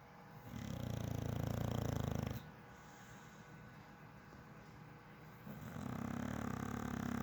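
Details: Red nose pitbull asleep and snoring: two long, low rumbling snores separated by a quiet pause, with a steady vibrating rattle on each in-breath.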